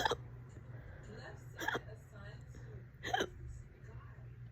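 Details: Fast, loud, persistent hiccups, present for about 30 minutes and on and off all day: three abrupt hiccups about every 1.5 seconds, roughly 40 per minute, over a low room hum.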